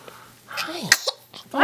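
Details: A single small, sharp sneeze from a 6-week-old baby after a brief breathy build-up, in a quiet room; an ordinary infant sneeze.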